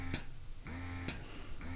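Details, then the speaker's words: Motif Duo portable breast pump switched to a faster cycle speed (one of three cycle modes): steady motor hum with repeating pump cycles and clicks. "can hear that that increased the cycle speed a little bit and there's one more option there so you have three different modes of cycle speed there"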